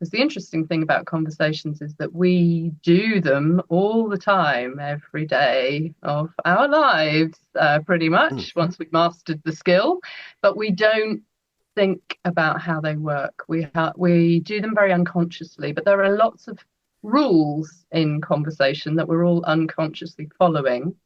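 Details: Adult woman speaking; normal fluent speech.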